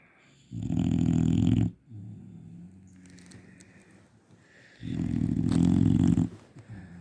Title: Snores like a tractor! #dog #shorts